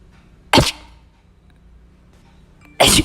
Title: తుమ్ములు మీకు ఎలా వస్తాయి?🤧// #sneeze#funnivideo#ytshorts